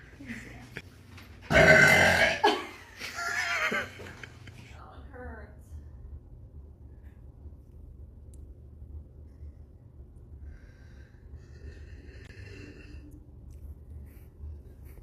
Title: Tiktok Girl Burp Compilation - 3